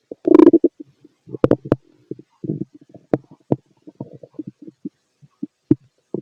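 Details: Bowel sounds of a fit male heard through a stethoscope during digestion of pastry, chicken, curry, bread, milk, eggs and pasta: short gurgles, pops and clicks at irregular intervals, ordinary bowel sounds.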